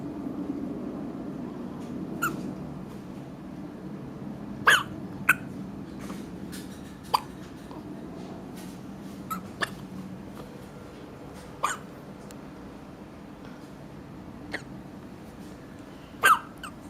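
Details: Twin girls in a hiccup competition: short sharp hiccups at irregular intervals, about eight over seventeen seconds, over steady room hum.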